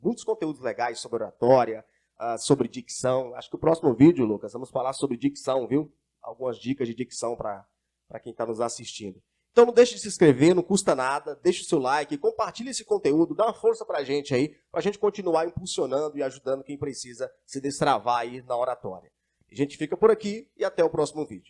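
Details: Adult male speaker; typical speech.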